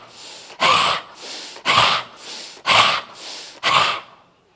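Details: Yoga breathing exercise demonstrated as an anti-snoring practice, neck held fixed: four loud, forceful belly-driven exhalations about a second apart, each followed by a softer full inhalation; deliberate, not gasping.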